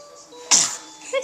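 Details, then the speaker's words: Single sudden, sharp infant sneeze, a burst of air that quickly fades, over faint background sound; recorded on a Flip Video camcorder: sneeze. "Bless you."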